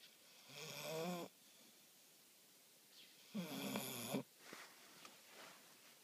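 Two loud, rattling snore sounds with quiet pauses between them, typical of a sleeping flat-faced dog's snoring.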